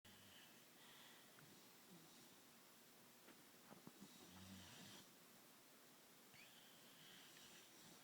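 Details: Sleeping English bulldog snoring: faint, rough low snores over a steady hiss of room noise.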